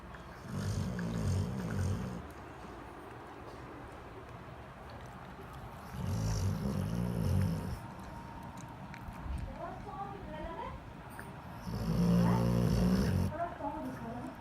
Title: Funny dog snoring when sleeping